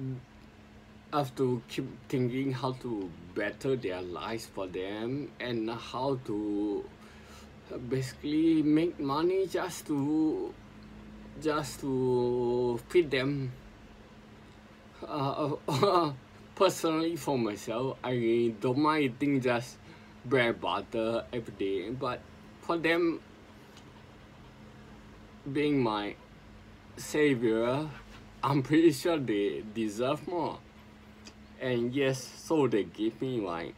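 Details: Adult man with sporadic spinocerebellar ataxia since 2002, recording speech practice as his own speech therapy; ataxic dysarthria.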